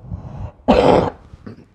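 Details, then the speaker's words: Adult woman speaking during a recording, apologizing for her cough: a single loud, harsh cough burst with faint room noise before and a small throat sound after; isolated cough. "désolé, hein. J'espère que vous me désolez pour ma toux."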